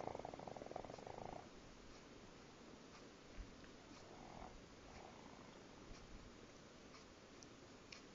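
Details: Loud snoring from a sleeping pug; snoring.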